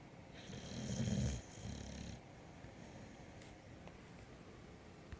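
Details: Snoring: one loud, rough snoring breath trailing into quieter breathing against steady room noise.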